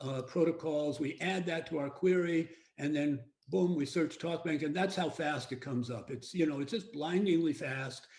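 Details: Adult male speaker; Normal speech.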